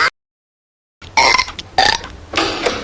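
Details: Cartoon burping contest from The Simpsons; after a moment of silence, three loud, drawn-out burps in succession: burping.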